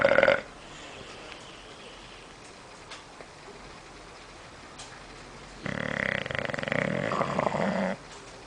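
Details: Bulldog snoring in the living room: a loud, rattling, grunting breath lasting a couple of seconds over steady room noise, typical of a flat-faced dog snoring.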